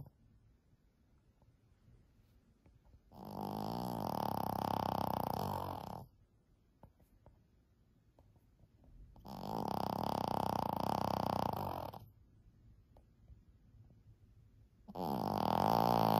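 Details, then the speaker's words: A 14-year-old female Shih Tzu sleeping soundly gives long, loud, buzzing snores about every six seconds, each around three seconds, with quiet gaps between; loud snoring that is rough at night. "can you imagine hearing that during the night it's very cute now during the day but boy oh it's a little rough at night time"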